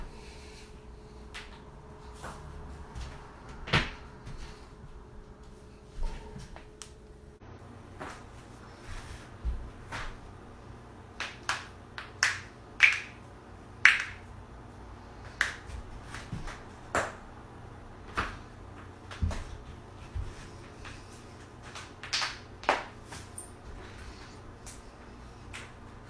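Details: Loud joint cracking: a series of sharp, loud pops and clicks against quiet room noise, from joint cavitation.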